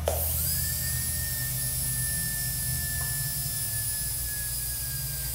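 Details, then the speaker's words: Air-driven dental handpiece on a DCI disc-style foot control being bled of air before servicing: high whine with pitch slowly falling as the bur slows; the pressurized water bottle slows the exhaust. "you've got to be patient and drain every bit of the air out of it our burr is slowing down"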